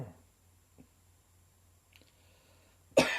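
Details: Sudden dry summer cough; a single sharp, harsh cough bursts out near the end after near silence.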